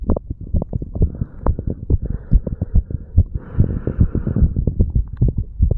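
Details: 35-year-old man after pull-ups and breath holds, recorded over the mitral and tricuspid valve areas: fast, strong, thumping normal heartbeat at roughly 140 bpm with a faint hum.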